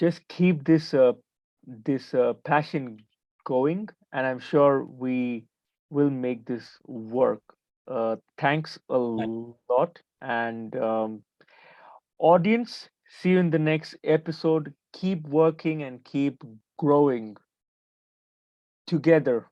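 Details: Stuttering in a 28-year-old man who identifies as a person who stammers.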